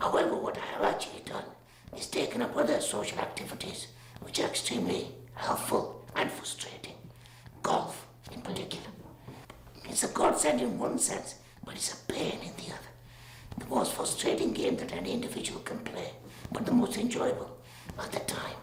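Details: Man with a total laryngectomy, speaking through a voice valve; tracheoesophageal speech after total laryngectomy.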